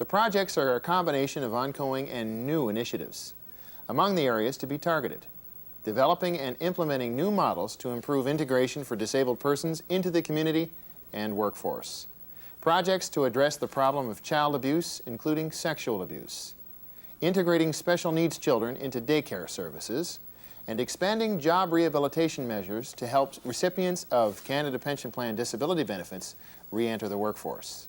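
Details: Adult male speaker, narration; normal speech.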